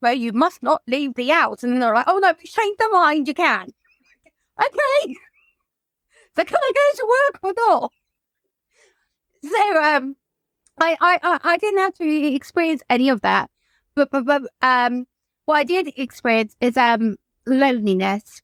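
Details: Adult woman whose childhood stammer recurred after her mother's suicide and six months alone in lockdown; she reports blocks and is in speech and language therapy; stuttering.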